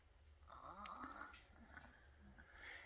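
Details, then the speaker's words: Sick hen with strained, squeaky whistling breaths, gaping with open mouth; labored breathing, suspected recurrent chronic respiratory infection or possibly gapeworm (not common locally, other chickens checked). "So the reason they call it, if it is gapeworm, is because they keep gaping with their mouth open to breathe."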